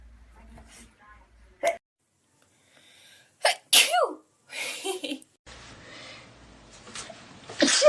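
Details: Acted sneezing in a staged skit: a sharp, explosive sneeze among quiet sounds, with a breathy follow-up and more bursts at the end.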